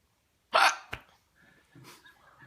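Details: Hiccups in a female patient after oral surgery that went into the jawbone: a sudden sharp hiccup with a quick click right after, then quiet breathing.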